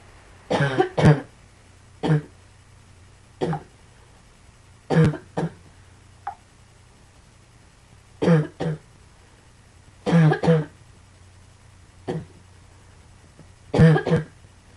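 Repeated coughing in about nine bouts, often two coughs at a time, with roughly fourteen coughs over fifteen seconds against faint room hum.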